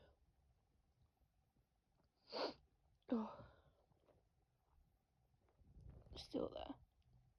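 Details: Female sneezing after not having sneezed for a while: three sudden bursts of air through the nose and mouth in a quiet room, the last after a short build-up breath.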